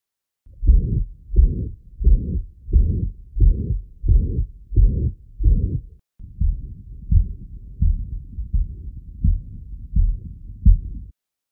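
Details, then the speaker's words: Mitral regurgitation in a real patient: steady, even pansystolic murmur of constant loudness filling each systole, regular rate near 88 a minute, usually loudest at the cardiac apex and radiating to the axilla. "the murmur in mitro regurgitation is usually loudest at the cardic Apex and typically radiates to the ailla"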